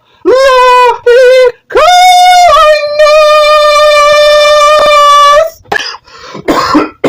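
A singer holds high, clear sustained notes, then breaks off into two rough, noisy coughs.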